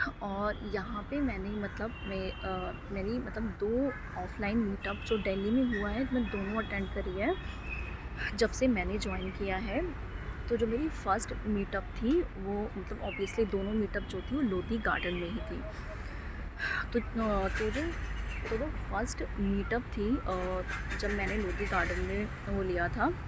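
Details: Adult woman speaking Hindi with a stammering problem since school days, with blocks and avoidance of speaking to strangers, working on accepting it; stuttering.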